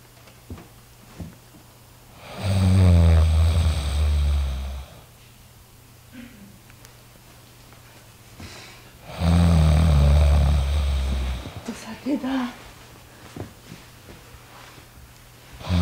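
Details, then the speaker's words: Acted adult snoring: two long, loud, low rattling snores separated by quiet pauses. Such snoring is stated to reach up to 80 dB at night. "poznáme to všetci snažíme sa spať ale stále počujeme hlasný zvuk ktorý nám nedovolí snívať hlasné chrápanie teda vie riadne znepríjemniť noc"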